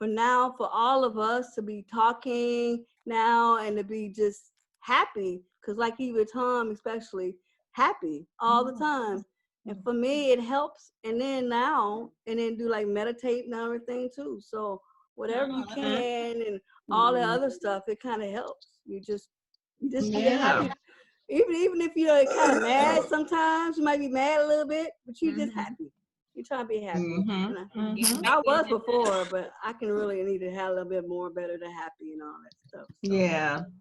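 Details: Man with aphasia after a stroke who has had therapies, with word repetitions and hesitations; post-stroke aphasia.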